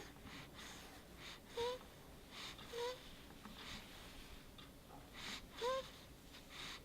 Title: 1 Min of Baby Snoring